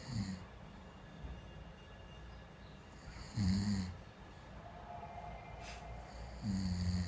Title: Snoring it's the alcohol that does it